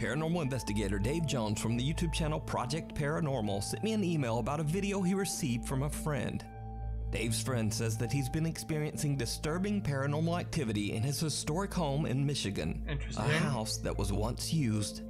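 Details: Adult male narrator; normal voice.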